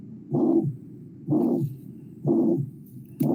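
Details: Harsh, rough, crescendo-decrescendo murmurs repeat about once a second, roughly 62 a minute, over room noise, heard at the aortic focus (second left intercostal space, parasternal line): systolic ejection murmur of aortic stenosis.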